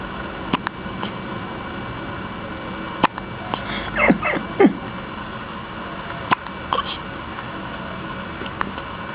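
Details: Three-day-old newborn with hiccups: small, sharp hiccups at irregular intervals with brief soft baby noises, over steady room noise.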